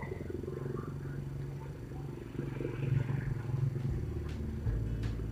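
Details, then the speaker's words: Steady low motor buzz as a bedside patient monitor's NIBP blood pressure pump inflates the cuff during a module function test, with faint room noise. "ini kita udah mulai mencoba pompanya sudah berjalan"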